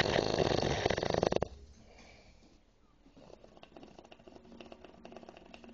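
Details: A loud rumbling snore with a wet, gurgling rattle, then quieter irregular breathing noises, from a drunk man drooling in his sleep.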